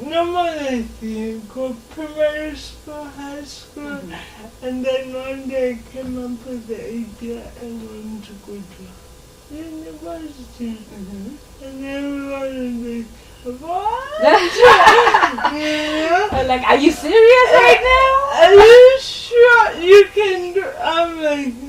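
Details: 26-year-old woman with lifelong cerebral palsy who began talking later than other children; real, not acted; dysarthria due to cerebral palsy.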